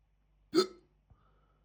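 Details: Right after eating a chicken tikka jalfrezi curry, hiccups started almost immediately (recorded 28 July 2026, audio only): a single sharp, voiced hiccup, then a faint small click in a quiet room.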